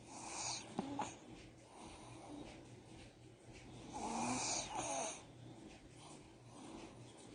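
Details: Snoring from a sleeping puppy: soft, irregular snuffling and wheezy snoring noises with faint room noise.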